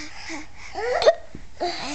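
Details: Imitated hiccups made to amuse a 5-month-old baby: short voiced hiccup-like gulps mixed with laughter; not real hiccups.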